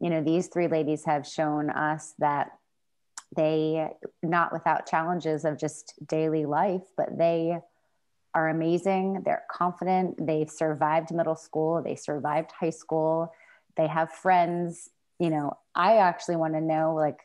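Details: Adult woman; normal speech.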